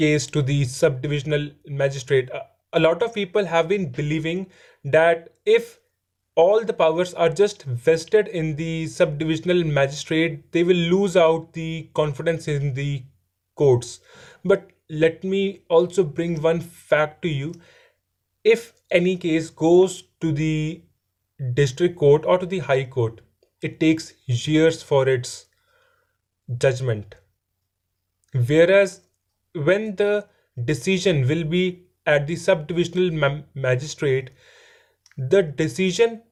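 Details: Adult male who says he stammers and is improving; stuttering.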